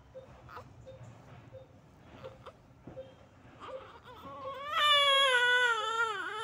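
Soft whimpers build into a loud, high-pitched wailing cry with a clear tonal voice, typical of a healthy newborn's cry.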